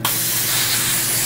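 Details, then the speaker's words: Steady high-pitched hissing spray of a dental air-water syringe rinsing after polishing during a COHAT in an anesthetized patient; water alone at the back of the mouth, both buttons near the fourth premolar. "okay and again when you're in the back of the mouth just use water not air as well but as you get towards you know the fourth premolar sole you can press both buttons"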